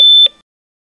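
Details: Single clear high-pitched electronic beep then silence; a hospital heart monitor tone from a sound-effect recording, artificially created, not a real patient.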